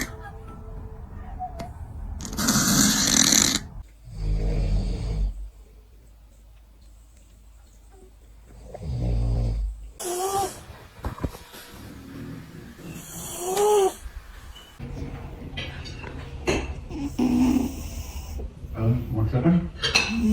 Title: A cat that snores like a human